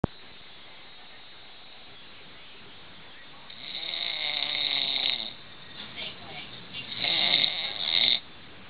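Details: Person snoring on a couch in a quiet room: two rough, rattling snores on breathing in, a few seconds apart.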